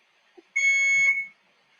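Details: Hospital IV infusion pump at a son's bedside: a single clear electronic alarm tone, under a second long, in a quiet room, set off when the arm line was bent.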